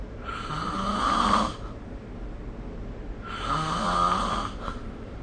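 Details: Snoring during sleep: two drawn-out, rattling snores about three seconds apart over a soft hum of room noise.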